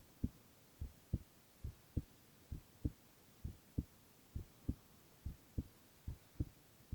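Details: Male ASMR recording of heart sounds only, no talking: regular paired lub-dub heart sounds at about 90 beats a minute; normal heart sounds.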